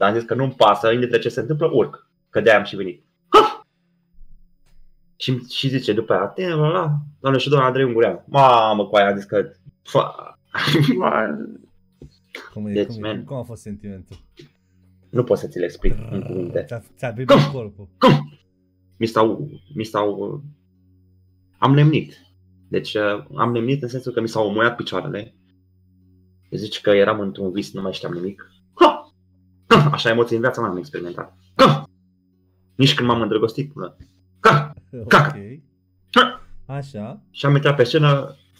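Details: Man with Tourette syndrome, a comedian, speaking Romanian in a podcast conversation, with vocal tics (e.g. 'psi', 'psam', 'pa pa pa') throughout; real, not acted. Finding: Tourette syndrome (vocal tics).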